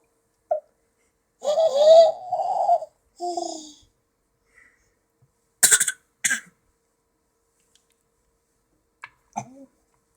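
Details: A child's few abrupt, sharp hiccups scattered between brief vocal sounds and quiet pauses: hiccups.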